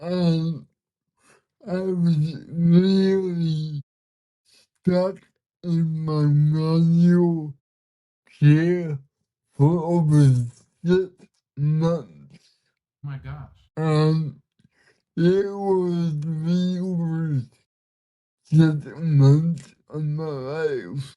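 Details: 32-year-old man with cerebral palsy, speaking in a real conversation; dysarthria.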